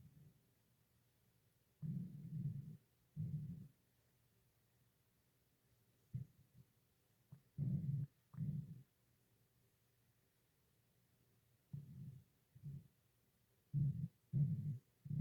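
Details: Stomach growling (borborygmi): low, deep growls and rumbles in short bursts separated by quiet.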